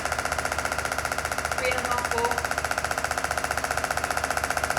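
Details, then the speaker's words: Radial shockwave with a plastic applicator and gel over a very tender shoulder AC joint at 2.6 bar and 15 Hz: rapid, steady mechanical tapping pulses firing continuously. "place this with some gel and we go straight over the ac joint what have we got we've got 2.6 bar and 15 hertz"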